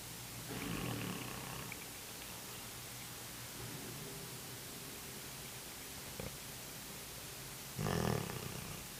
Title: Corso Snore